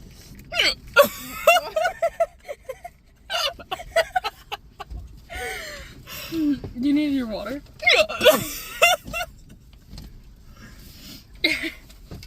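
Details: Bout of hiccups after eating spicy Taco Bell food in a car with a friend, which burned the throat: sharp, abrupt voiced gulps recurring among laughter and vocal sounds.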